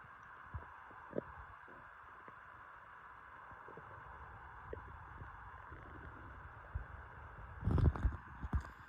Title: Lots of stomach noises ❤️